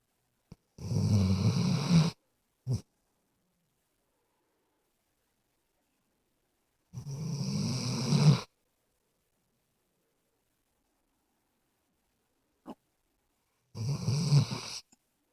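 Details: Sleeping dog snoring: three loud, rough snores over about 15 seconds, each one to two seconds long, separated by silent pauses; slow snoring at about 12 breaths a minute.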